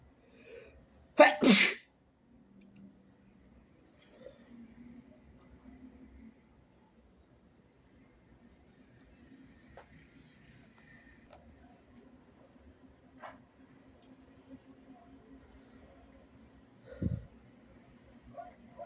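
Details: Person (he/they) gives one loud, kinda wet sneeze early on, then quiet room sounds with small sniffs, a softer burst near the end, and a good nose blow.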